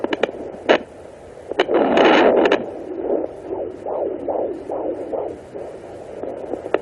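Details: Fetal heartbeat of a baby girl at 18 weeks 4 days of pregnancy on a Sonoline B handheld pocket Doppler: probe scraping and static, then a fast, regular whooshing pulse near 150 a minute.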